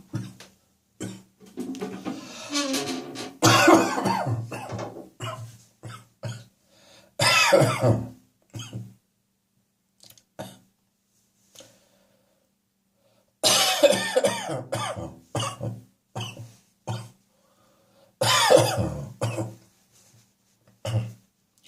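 Repeated bouts of harsh, rattly adult coughing with throat clearing, fitting a wet cough loosening mucus.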